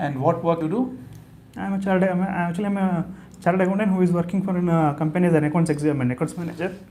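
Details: Adult man with adductor spasmodic dysphonia per his ENT report, recorded before voice therapy; he had 2–3 months of earlier therapy at two institutes and says listeners cannot follow him.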